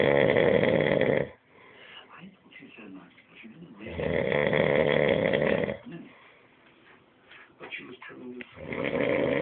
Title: Worlds Loudest Snore